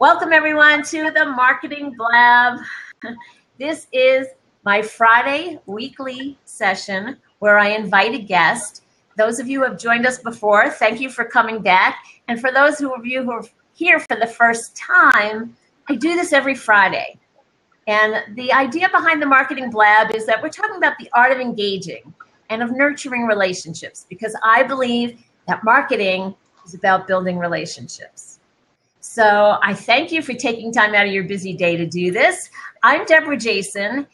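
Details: Adult woman; typical speech.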